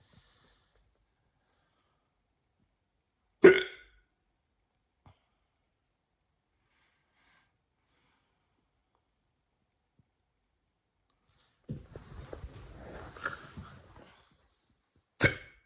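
Two sharp, abrupt hiccups about twelve seconds apart, with a rustling noise in between.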